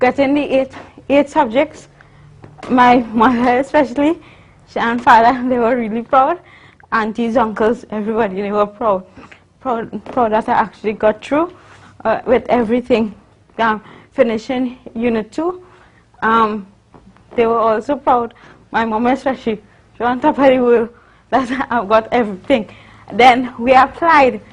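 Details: Adult woman, university student, with congenital cerebral palsy involving spasticity (stiff muscles) and athetosis (uncontrollable movements); dysarthria in cerebral palsy.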